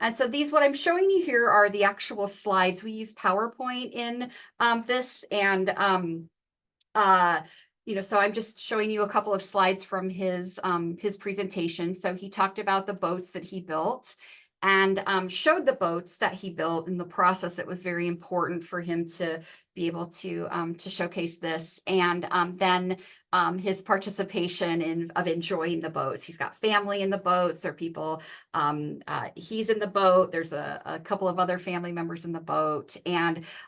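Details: Adult woman speaking; normal speech.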